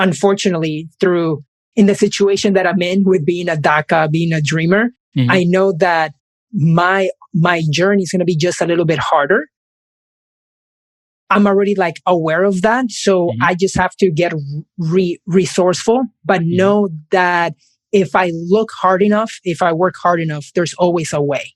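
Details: Adult man who has stuttered since age five; stuttering.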